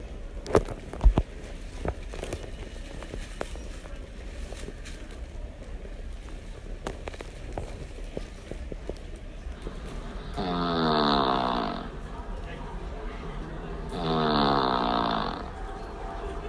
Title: air plane snore